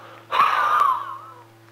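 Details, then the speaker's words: Huff (forced expiration technique) in asthma physiotherapy, coached to breathe gently with the diaphragm between huffs to help clear mucus: one forceful open-mouthed breath out, slightly whistling and fading over about a second. "half again a big one breathe gently that's the way this will help even more how out your breathe rest again and breathe away quietly"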